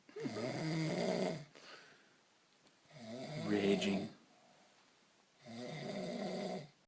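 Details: Snoring in an adult after a few too many beers: three loud, rough, vibrating snores on the in-breath, about 23 a minute, with quiet pauses between.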